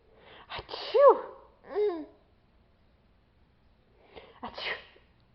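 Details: A short breath-in and a sharp sneeze from a young child, then a high squealing "banshee" scream; brief quiet, then another soft sneeze-like burst.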